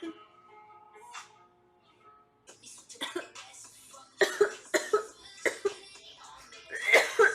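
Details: Girl coughing: a run of sharp, dry-sounding coughs in quick clusters after faint music.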